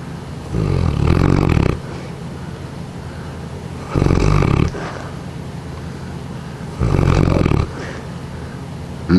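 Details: Female Neapolitan Mastiff, 6 years old, 153 pounds, asleep before being woken; three loud, low, rattling snores about three seconds apart, with quieter breathing between: snoring.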